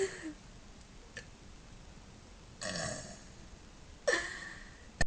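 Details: Several short, voiced belches from an adult during a burping contest, with brief quiet gaps in a small room; belching.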